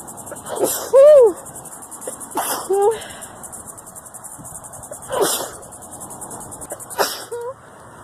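Four sharp sneezes in quick succession, some with a voiced cry, over chirping crickets outdoors; a sneezing fit.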